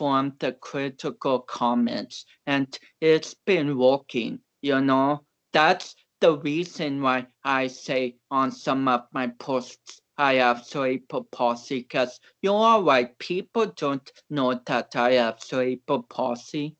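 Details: Man of about 29 with cerebral palsy, a powerlifter whom doctors had not expected to walk or talk; dysarthric speech in cerebral palsy.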